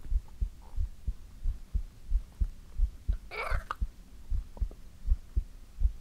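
Steady soft low thumps in paired beats, roughly 75 a minute, with a brief rustle midway; an ordinary heartbeat.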